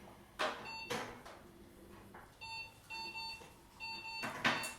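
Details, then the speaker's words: Repeated electronic beeping of an anesthesia monitor amid room noise and clatter, showing a nice strong heart rate in a dog under inhalant gas anesthesia with an esophageal probe, before removal of two masses. "that beeping we we come to love that beeping it's a nice strong heart rate"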